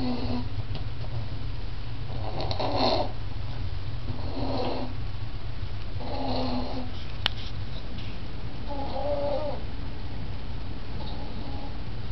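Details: 5-month-old baby asleep while bouncing in a jumper: soft, repeated snorting breaths over steady low background noise; snoring.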